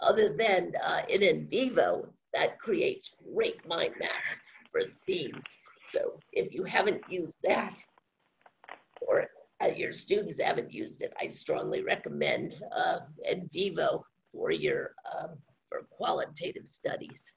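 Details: Adult woman with spasmodic dysphonia, no cure, onset around 2010 and progressively worsening; awaiting a postponed Botox injection; scratchy voice; finding: spasmodic dysphonia.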